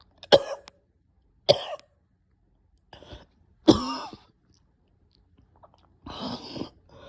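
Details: Person too weak to record, nasty coughing fit with choking: three harsh, explosive coughs with throat clearing and strained, gagging breaths between.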